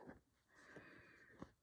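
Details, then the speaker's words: Snoring in a sleeping dog that earlier had been coughing and choking: quiet snuffling breaths with a thin whistling snore note drawn out through one breath. "You can hear Fudge snoring now. My goodness, he's gone from coughing and choking to now snoring."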